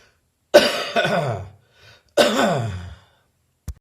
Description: My bronchitis is gradually leaving me, but I'm still coughing - although a much dryer cough now.